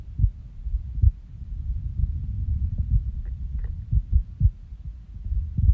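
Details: Resting heartbeat after waking from a nap: soft low thumps with uneven gaps as beats drop out; irregular heartbeat with skipped beats.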